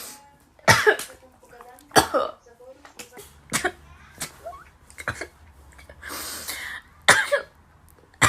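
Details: Compilation of rapid, induced sneezes: several sharp, explosive bursts with voiced tails, separated by quiet pauses and brief room noise.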